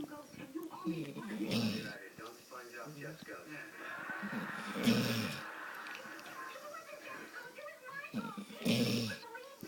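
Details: Snoring from a sleeping female yellow Labrador retriever after a busy day running after horses: three rasping, snorting snores roughly every three seconds over faint background television sound.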